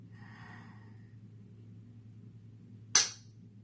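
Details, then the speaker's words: Quiet room hum, then a single sharp click as a Cosentyx 300 mg autoinjector pen fires during self-injection, second pen, which sprayed fluid onto the arm. "And let it click the once. And let, that one just shot all over me. Let that click twice."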